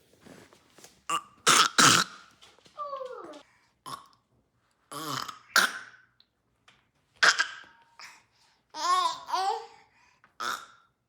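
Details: Baby making a rapid run of short, gulping burps mixed with little voiced squeals and babbles: burping.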